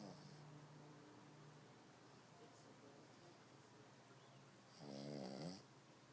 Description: He sleeps and snores like a human. lol funny dog.